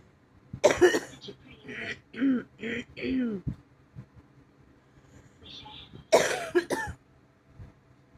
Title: not feeling well 😔 i have a bad cough my chest hurts from coughing my ribs hurts from coughing 😔